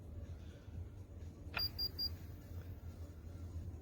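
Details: Konquest KBP-2704A automatic upper-arm blood pressure monitor, used by a self-described athlete (resting heart rate about 40), finishing a measurement: short click then three high electronic beeps, low room hum underneath.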